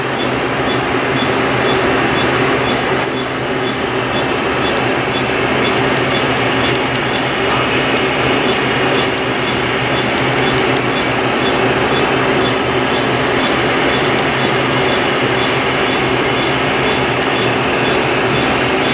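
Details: Steady loud whirring hum with rapid faint pulsing from a laser hair removal machine during a 13th facial treatment session (upper lip area).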